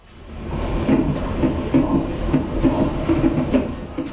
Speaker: sound of an unborn baby's heartbeat the fetus of a mother with pregnancy induced hypertension